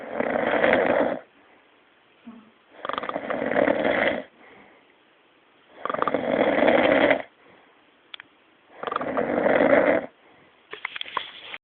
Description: this bloke sounds like the tardis when he snores, verry funny.